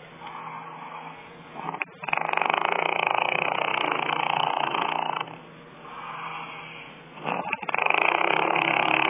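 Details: Heavy snoring: loud, harsh, rattling breath sounds lasting several seconds, with a quieter gap between them; the uploader jokes it could be a fart or a snore.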